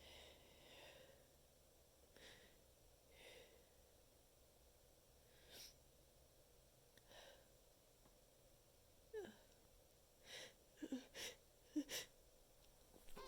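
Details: Deliberately stifled, muffled sneezing into a handful of tissues, which worsened nasal stuffiness: several soft, held-back sneezes with sniffs and in-breaths against faint room noise.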